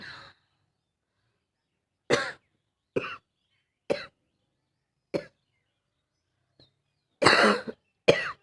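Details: Female with a barking cough.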